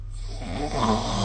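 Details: Snoring recorded during sleep with the SnoreLab phone app: a single short stretch of low, rattling breath noise growing louder; snoring.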